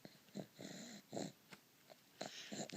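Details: Inspiratory stridor from laryngomalacia in a 3-month-old boy, lying on his back or sitting: a harsh, squeaky, congested-sounding noise on each breath, which eases after a minute on his stomach.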